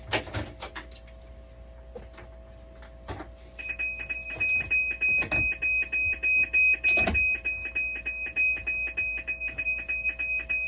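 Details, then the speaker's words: Dialysis machine sounding a steady high electronic alarm with rapid clicking over room noise; display reads minor blood leak, which cannot simply be reset; machine needs calibration or possibly part replacement. "Yan, minor blood leak nakalagay. Blood leak. Hindi mo na marereset to pag blood leak."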